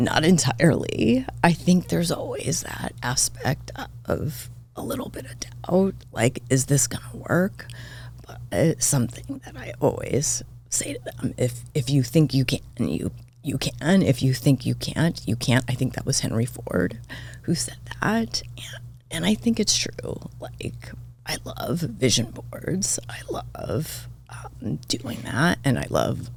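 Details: Adult woman diagnosed this year with spasmodic dysphonia, vocal cord spasms, attributed partly to voice overuse and stress; voice cuts in and out, sometimes hoarse, apparently occurring during this interview.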